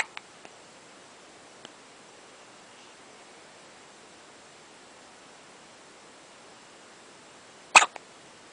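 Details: Newborn with hiccups: mostly quiet room with a few faint clicks, then one sharp, brief hiccup near the end.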